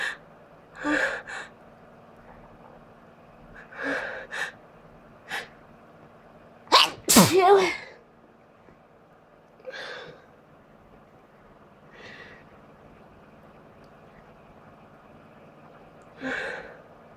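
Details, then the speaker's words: Several sudden explosive bursts from an adult, some with a quick indrawn breath before, as the person announces each coming sneeze: repeated sneezing. "Gonna sneeze. I'm gonna sneeze again. Chill. I'm gonna sneeze."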